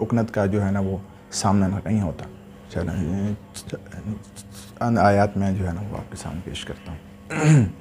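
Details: Adult male imam, Urdu speaker, with a stammer since about age 12 that began while memorizing the Quran; he has difficulty in ordinary conversation but recites fluently: stuttering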